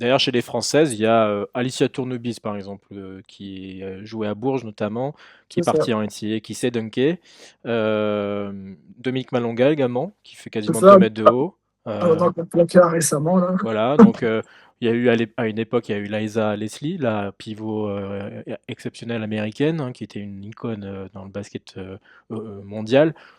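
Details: Adult speaker; ordinary speech.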